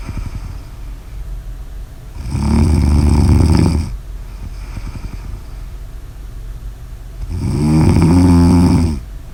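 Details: Two loud, low, rattling snores on the in-breath, about five seconds apart, with quieter breathing between; snoring.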